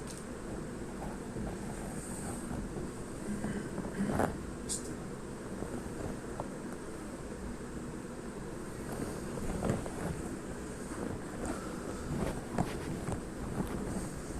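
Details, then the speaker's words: Abdominal auscultation over the periumbilical region gives a continuous low humming, mixed with faint heart sounds and bowel gurgles: a periumbilical venous hum. "puede ocurrir que yo escuche un J venoso periumbilical Cómo se escucha eso lo podemos"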